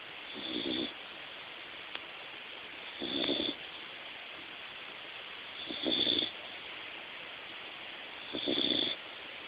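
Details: Regular soft snoring in a sleeping American Eskimo Dog, about four snores in ten seconds, roughly 22 a minute, with a steady hiss in the background.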